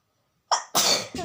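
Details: Single forceful sneeze during a sneezing challenge video: a short in-breath, then one hissing sneeze burst with a brief tail of voice.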